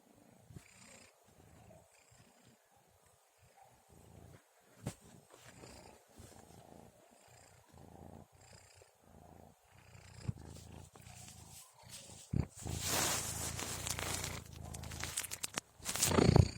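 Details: Kitten recorded while sleeping alongside its owner at about 2:30 a.m.: soft, rapid, low rumbling, purr-like breaths with handling noise near the end; snoring.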